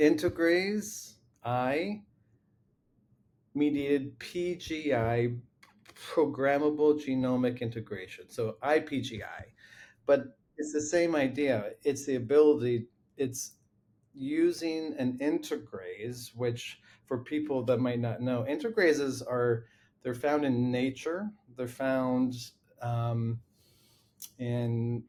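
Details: Adult man with a lifelong stutter that runs in his family; long blocks and repeated words are heard. Finding: stuttering.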